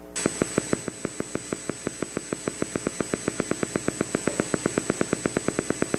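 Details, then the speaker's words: Voluntary motor unit potential on EMG: steady popping clicks at about six per second with slightly varying spacing, a semi-rhythmic firing pattern. "vowel you don't have to know what the patient's doing that's a that's a voluntary motor unit potential"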